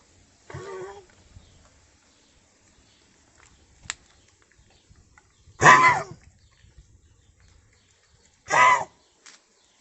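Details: 9-year-old Central Asian Shepherd (Alabai) dog with an unexplained cough accompanied by vomiting, undiagnosed by vets: three harsh, hacking bursts a few seconds apart.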